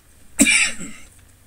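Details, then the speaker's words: A single short, dry cough in a quiet room from an adult man getting over a cold. "so again i apologize for the the coughing a bit here i've uh i've got a little bit of a cold going through the family and um i'm just uh just kind of getting over it"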